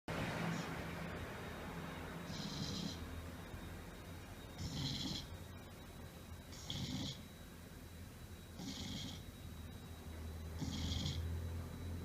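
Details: A sleeping golden retriever snores in regular low rumbles with hissy breaths, about every two seconds, roughly 29 a minute, over a faint steady tone.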